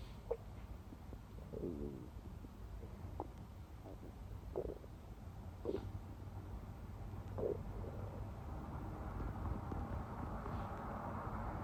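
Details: Bowel sounds (borborygmi).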